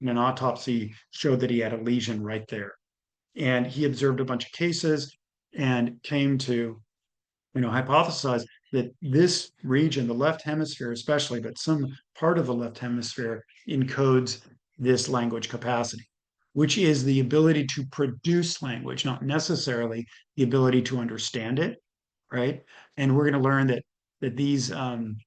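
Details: Adult male speaker, lecture; ordinary speech.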